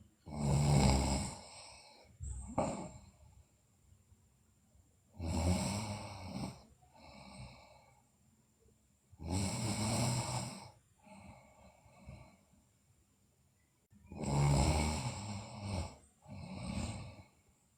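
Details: Sleeping girl snoring: loud, rough, low-pitched snores on the in-breaths with quieter out-breaths, about four breath cycles.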